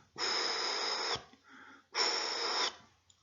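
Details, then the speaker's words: Spoken auscultation lesson: voiced imitation of a holosystolic (pansystolic) isodynamic plateau murmur; two steady hissing bursts of even loudness from start to end. "aquí tenemos un soplo o los histórico o pan histórico hizo dinám"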